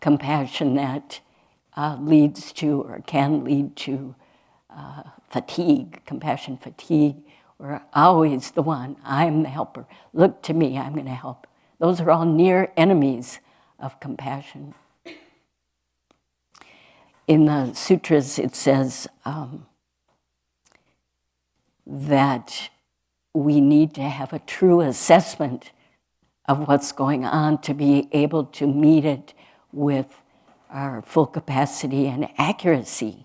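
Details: Adult woman speaking; ordinary speech.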